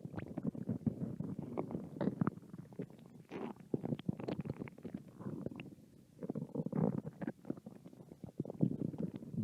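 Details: Hungry American woman's belly: irregular low gurgles and rumbles with brief quiet gaps; normal stomach growling from hunger (borborygmi).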